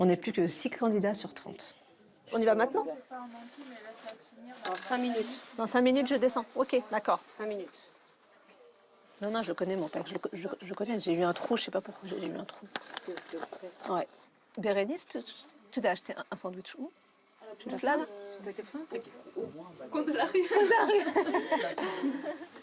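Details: Woman, a French triathlete, who has stuttered since early childhood; real speech showing stuttering.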